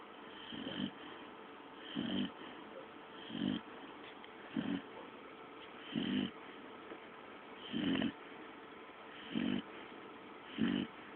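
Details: Steady rhythmic snoring, about eight snores roughly every one and a half seconds over faint room hum; a sleeping dog snoring.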